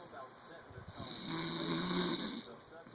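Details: One drawn-out, rattling snore on an inward breath from a woman (wife) asleep, with faint room noise; snoring.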